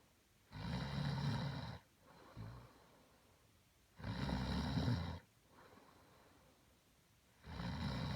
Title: Got CAUGHT snoring!!!